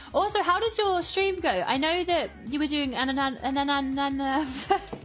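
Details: Woman who says she has a stutter; stuttering.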